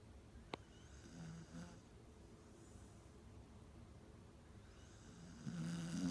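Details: Quiet, low rumbling snores on sleep breaths over faint room noise; ordinary snoring.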